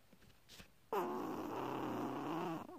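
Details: Chihuahua: one soft, buzzing snore under two seconds after a quiet pause, in a small room; a single gentle snore.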